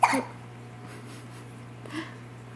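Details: 3-week-old infant girl with hiccups in a quiet room with a steady hum: a single sharp, brief hiccup with a quick catch, then a faint second one, sounding like a squeaky toy; she hiccups often.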